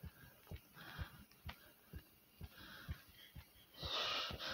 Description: my heartbeat was thumping due to me doing 50 jumps